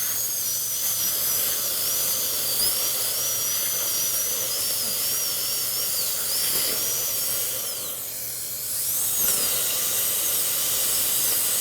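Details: Continuous wavering high-pitched whine and spray hiss of a high-speed dental handpiece (swapped after the bur slipped) during final preparation of four upper right teeth.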